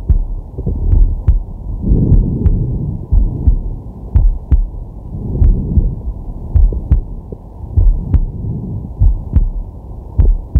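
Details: Male relaxing with a digital stethoscope on his chest: soft, steady heartbeat thumps, about 50 a minute, with slow deep breathing swelling in the background; normal heart sounds.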